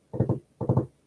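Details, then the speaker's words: Repeating three-beat cadence like a cantering horse; third heart sound (S3) gallop rhythm. "Ahora, tenemos también un tercer ruido, ¿no? Que es el galope. Suena así, como un caballito."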